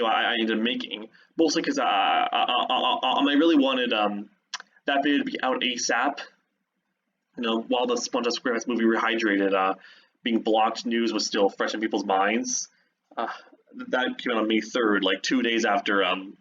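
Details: Adult man who identifies as a stutterer and says he trips over his words; stuttering.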